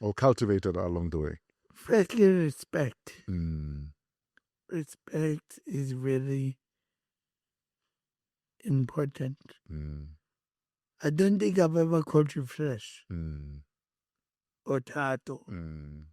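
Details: Adult male born with cerebral palsy, with a head injury from a car accident in June 2000 that affected his speech, walking and left-ear hearing; speech impairment (dysarthria).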